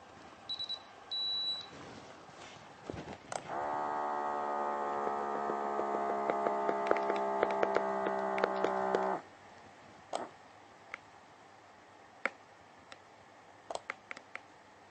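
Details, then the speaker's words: Welch Allyn 6100 ambulatory blood pressure monitor test reading, started by pressing the blue button twice, patient still in the surgery: two short beeps, then steady pump hum for about five seconds as the cuff inflates, faint clicks. "do and when it records it displays the systolic and the diastolic heart rate together with the pulse on the display screen"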